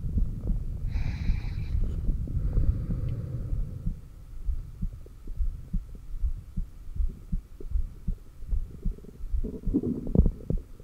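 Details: Heartbeat recorded through a stethoscope at the cardiac apex during exhaled (stomach vacuum) and inhaled breath-holds with straining; normal heart sounds, with occasional stethoscope noise and stomach growls.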